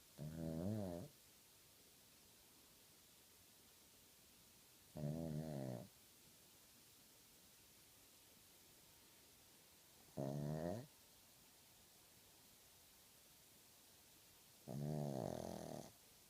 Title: Snoring nugget